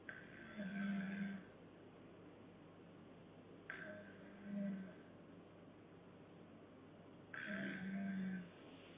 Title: snoring girlfriends